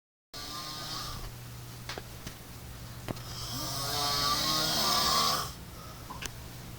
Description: IRISH SNORING MONSTER SLEEPS WITH HIS EYES OPEN :O